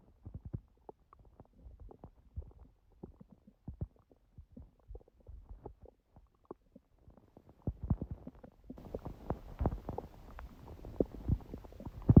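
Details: Stomach growling recorded at 1:30 after waking from sleep, following too much udon at 19:30; the owner suspects the stomach was surprised by gluten after a long break. Soft irregular low gurgles and rumbles, louder toward the end: borborygmi.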